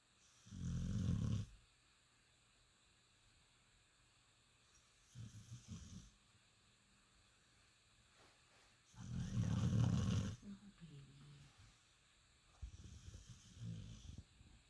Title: Olaf snoring like an old man